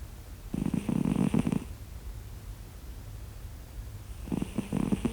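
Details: Sleeping cat snoring: two fluttering, rattling snores, each on a breath in, with quiet between, clearly audible.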